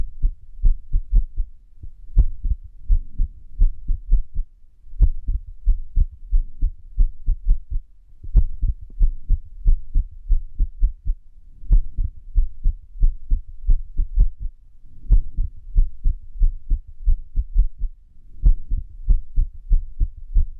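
Low heart thumps with uneven spacing and varying loudness, an irregular heart rhythm (arrhythmia).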